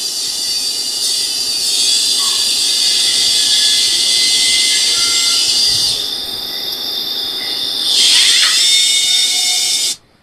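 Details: Steady high-pitched hissing whine of a high-speed drill, rising and dipping with load, drilling bone during live endoscopic sinus surgery.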